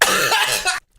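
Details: Single short, harsh cough lasting under a second.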